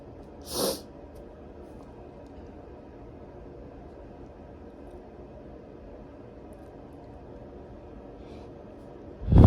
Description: I decided to induce a little bit before showering; it ended up being so tickly..